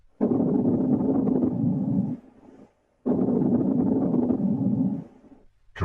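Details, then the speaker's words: Teaching example of coarse crackles on lung auscultation: two long breath sounds filled with loud, low-pitched, bubbling, longer crackles. "Coarse crackles are louder, lower pitched, and longer."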